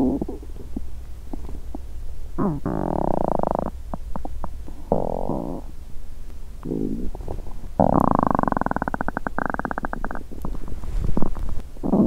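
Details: Hunger bowel sounds (borborygmi) from a woman's stomach after over 17 hours without food, on a day her period is due with a bloated stomach; she also notes unusual popping sounds.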